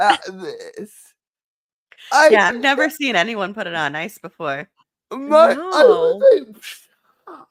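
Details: Adult or older child speaking, higher-pitched voice; normal speech.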